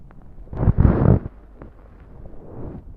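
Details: Low rumbling gurgle lasting under a second, then fainter, softer gurgles; ordinary stomach growling (borborygmi) after drinking soda.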